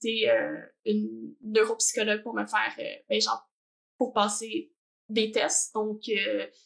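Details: Adult woman who stutters, also has ADHD and has had speech therapy, speaking French; stuttering.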